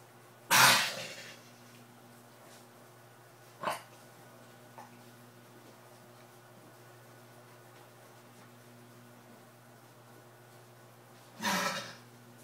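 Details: Weimaraner dog that owner suspects has kennel cough: two harsh, abrupt coughs with one fainter one between, over a steady low hum.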